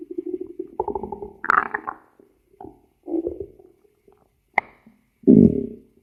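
Gurgling, bubbling growls and squeaks in short bursts with quiet gaps; ordinary stomach growling from moving gas and fluid.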